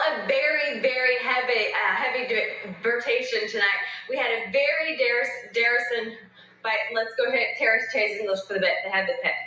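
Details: Female TV reporter, real on-air episode of sudden transient aphasia from a mini stroke in a brain language area, later fully resolved without long-term effects; normal rhythm with jumbled nonsense sounds; fluent aphasia with jargon (paraphasic speech).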